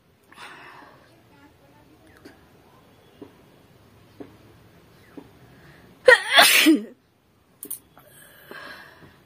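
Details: Soft sniffs and clicks, then one loud explosive sneeze followed by quieter sounds, in a sneezing challenge; sneezing.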